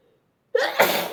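A quick breath in followed by a single sharp, explosive sneeze in a quiet room.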